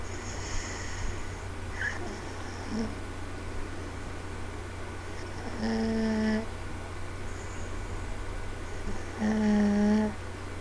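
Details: Two-year-old girl fast asleep on a parent on the couch, recorded on a laptop. Soft, tonal, hum-like snores on breathing in, about every 3–4 seconds, over a steady background hum. Gentle snoring.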